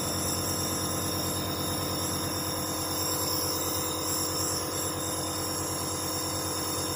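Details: Dr Trust compressor nebulizer just switched on with medication in the chamber and a mouthpiece fitted; it makes a steady, continuous mechanical hum and buzz.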